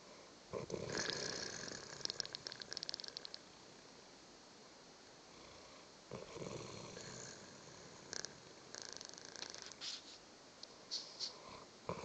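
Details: Irregular, noisy, fluttering breaths with quieter gaps between them; snoring.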